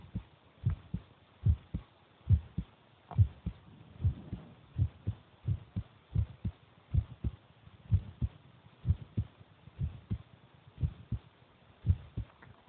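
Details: Brother's heartbeat recorded while he is eating: steady low thumping beat, about 85 a minute, regular rhythm; normal heartbeat.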